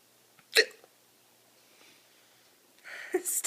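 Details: One sharp, sudden gulping hiccup in a quiet room, followed by a brief voiced sound; hiccup.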